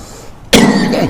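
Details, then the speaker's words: Adult man, a preacher with a current cough that makes his voice hoarse, during a mosque lecture: after a moment of quiet, a single abrupt, forceful cough. "ibu-ibu yang dirahmati Allah Subhanahu Wa Ta'ala mohon maaf kalau suara saya sedikit agak kurang bagus karena lagi batuk"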